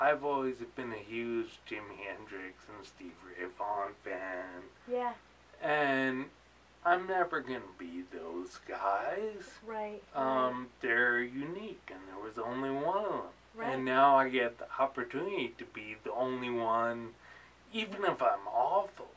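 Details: Adult man with ataxia, a cerebellar disease diagnosed about four years earlier; articulating takes effort, worse toward evening, slurring when excited: ataxic dysarthria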